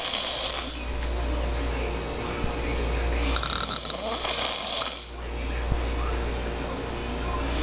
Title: Snoring Guy